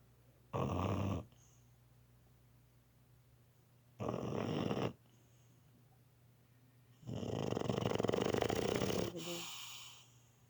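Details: Snoring: three noisy breaths, two short rasping snores then a longer one, over a steady low room hum.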